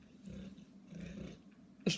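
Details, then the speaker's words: Two low, rumbling snores from a sleeping pet dog named Loki, followed by a brief sharp noise at the end. "Loki snore. Can you hear it?"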